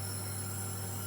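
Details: Child with cough and cold receiving nebulizer treatment: steady low mechanical hum of a nebulizer compressor running during inhalation.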